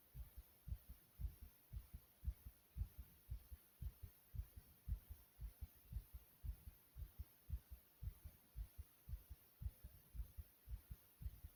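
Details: Fast heartbeat recorded from inside the chest: quick, regular, low-pitched thumps at about 113 beats a minute.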